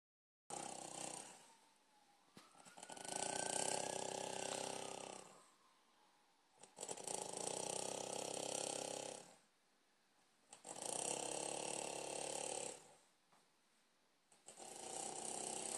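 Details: Person snoring: long, harsh, rattling breaths in a slow steady rhythm, about 15 a minute; loud snoring.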